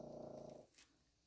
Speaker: if you can hear any snoring in the background that is our pet dog having a great time in the background